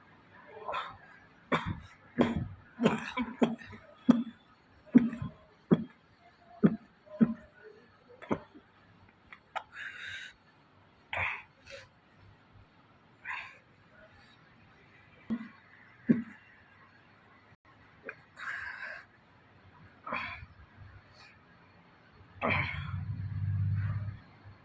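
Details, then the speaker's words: Pertussis in a male patient with two weeks of severe dry cough, earlier fever, and raccoon eyes with subconjunctival hemorrhage: a rapid run of dry coughs, then a deep high-pitched inspiratory whoop after about three breaths. "so in this video you're able to listen to the move so you can see the patient is having a severe cough and after three breaths he takes a deep inspiration and the Wolf can be heard"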